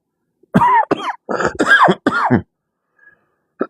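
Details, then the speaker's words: Adult with sinus trouble gives a few short coughs and throat-clearing bursts, fitting sinus drainage irritating the throat. "again. Sorry, Chad. I'm got some sinus stuff going on."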